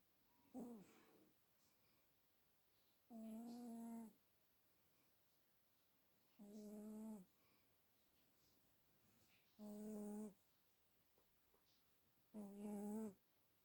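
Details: Furry pet snoring unusually quietly today: soft, evenly spaced tonal snores about every three seconds, roughly 20 a minute, with quiet pauses between; ordinary snoring in sleep.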